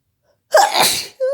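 A single forceful sneeze with a sharp onset and spraying blast, followed by a short voiced sound.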